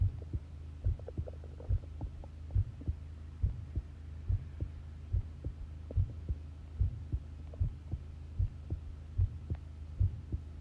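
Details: Long-duration heart sound recording of a person listening to their own pounding heartbeat: regular, deep double-thump heartbeat at about 70 beats a minute over a low steady hum; normal heart sounds.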